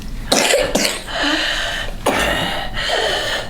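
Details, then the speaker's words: Simulated croup: an adult pediatrician imitates harsh, barking, seal-like coughs with a rough, noisy inhale between them. This illustrates croup, which is typically from parainfluenza or influenza and causes swelling around the voice box, with noisy inspiration more than expiration. "like a seal that noisy inhale that's crude i get myself horse when i do it so if you hear that you know it's crew probably para influenza could be the flu it could be influenza"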